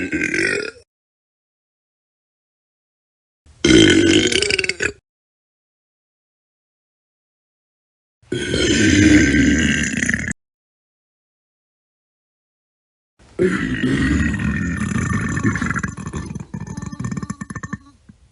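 Four separate long, low, rumbling belches with silence between them; burping from a sound-effect set.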